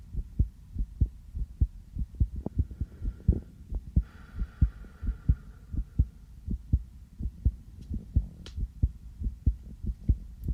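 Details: Normal heart sounds heard through a sensitive stethoscope on the speaker's own chest just after coming in from outside: steady, regular lub-dub, somewhat quick at about 95 beats per minute.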